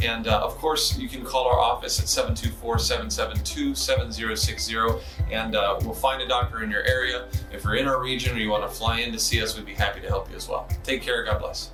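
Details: Adult male speaker; normal speech.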